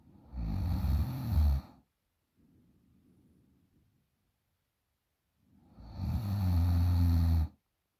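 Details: 20-year-old girl snoring very loudly in sleep: two long, loud, rattling low snores on inhalation separated by a quieter exhalation.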